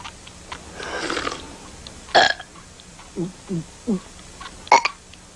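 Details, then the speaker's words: Fan-made Simpsons-style cartoon short about a kids' burp contest: several loud cartoon burps in a row, some short and some drawn out, with a little dialogue around them; burping. "we're having a burp contest mom well knock it off I do not allow burping in this house"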